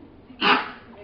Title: Sheltie cough/ gag/ hacking